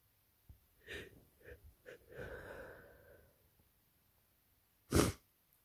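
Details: Person exhausted with a cold caught during allergy season, runny nose: several sniffs and a wet breath, then one sharp sneeze burst.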